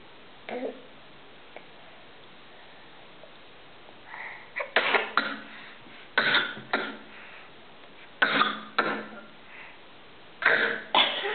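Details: A young child gives short, dry coughs in paired bursts, deliberately prolonging a natural cough and seeming to enjoy it: voluntary, fake cough.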